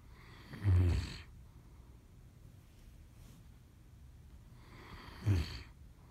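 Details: A sleeping dog snores: two low, rumbling snore breaths several seconds apart, with quiet breathing between them.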